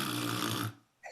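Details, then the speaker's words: Adult imitating snoring: a single rough, rattling, low-pitched inhaled snore under a second long, showing the sound of a throat airway narrowed by relaxed muscles during sleep. "But you fall asleep, muscles relax, and right in the back, it gets small. So when you're sleeping and breathing in, this is the sound people are hearing."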